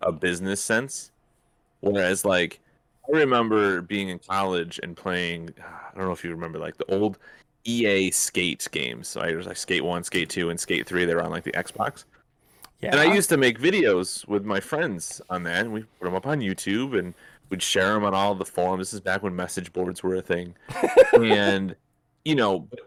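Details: Adult male speaker; ordinary speech.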